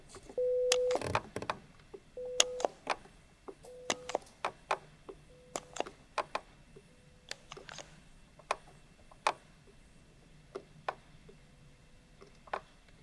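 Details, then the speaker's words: Brief steady low pure tones repeat at falling loudness between sharp clicks. The patient presses when a tone is heard, with low frequencies 125–500 Hz tested and a left-ear threshold of 15 dB at 250 and 500 Hz; pure-tone audiometry at a real Thai ear clinic. "« Prêt ? Si vous entendez un son, appuyez. » (Configuration de l'audiomètre, en commençant par l'oreille droite)"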